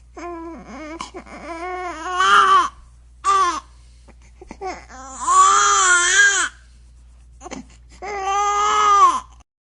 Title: Baby Crying May 22 Sound Effect